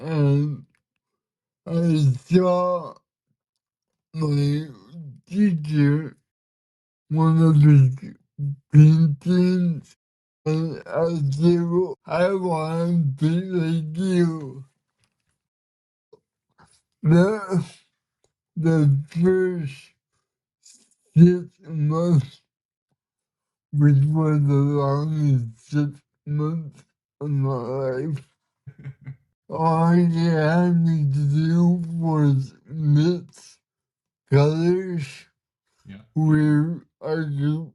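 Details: Man with cerebral palsy, body resisting so communicating is hard at times and listeners need patience to understand; dysarthria (cerebral palsy).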